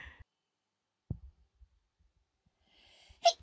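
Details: A streamer's single sharp sneeze bursts out after a quiet stretch with faint breath sounds before it, during a livestream collaboration, described as her first off-collab sneeze: sneeze.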